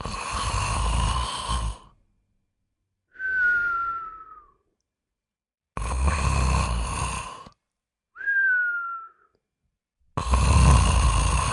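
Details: Tong snoring, posted as a joke video and not serious: loud rattling inward snores, each followed by a whistling outward breath, breathing cycles roughly every five seconds.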